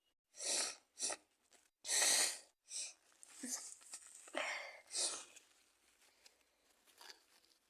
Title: Sneezing my Cold Out 🤧too many germs in the room 🦠